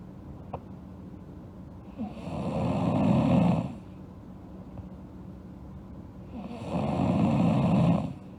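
Two loud, rough snores on breathing in, separated by quiet pauses; ordinary sleep snoring.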